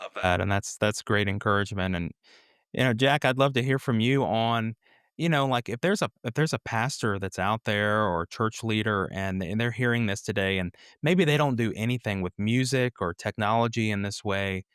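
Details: Adult man speaking; normal speech, no voice disorder.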